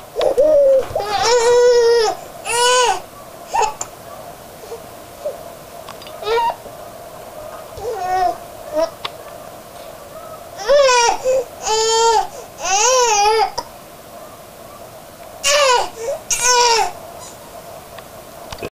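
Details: Infant crying, angered by a bout of hiccups: repeated high-pitched wavering wails in short bursts with pauses between.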